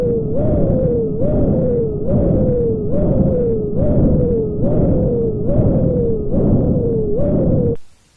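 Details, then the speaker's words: High-pitched bruit over a stenosed arteriovenous dialysis fistula in an end-stage renal disease patient: a loud, high-pitched whooshing bruit rising with each pulse, about 71 a minute, unlike the soft continuous normal bruit. "In the presence of stenosis, the sound becomes high-pitched, as you can hear here."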